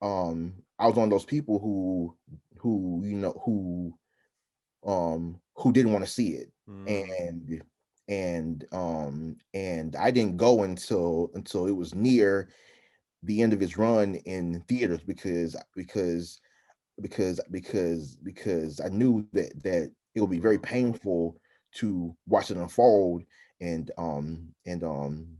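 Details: Adult man who stutters, interviewed by a stuttering specialist, with frequent interjections such as 'um'; stuttering.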